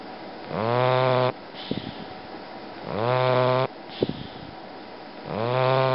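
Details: Bulldog snoring: loud, buzzing, nasal snores on each breath in, about three in six seconds, with snorty puffs on breathing out, typical of a short-nosed dog.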